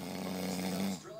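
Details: A pet dog's single low, rumbling snore, a steady buzzing note that fades out after about a second.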